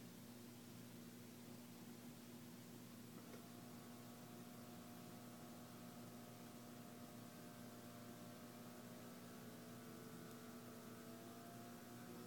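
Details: Omron digital home blood pressure monitor: steady low motor hum with a rising pump whine as the cuff inflates.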